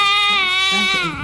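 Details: Newborn boy in his first week of life, described as hypersensitive, crying while his footprints are inked: a loud, sustained high-pitched wail, a typical newborn cry.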